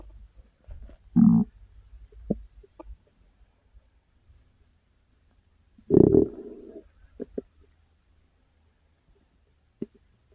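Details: Person's own stomach growling: two loud gurgling growls with short squelches and pops between quiet stretches; normal borborygmi.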